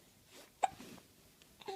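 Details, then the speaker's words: Three-month-old baby boy with recurring hiccups: short, abrupt catching sounds with small whimpers between them. Infant hiccups. "do you have the hiccups again do you have the hiccups again"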